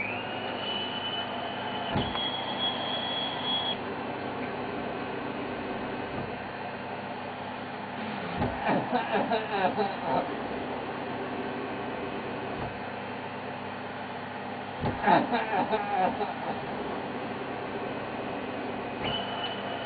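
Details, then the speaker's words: Adult with a very weak voluntary cough demonstrates a hired cough assist machine through a face mask; machine hum with two muffled, strengthened cough bursts, improved in strength and duration: mechanically assisted cough. "you go hopefully you are able to hear that was quite a significant improvement in my cough and to say that that isn't effective is quite frankly absurd"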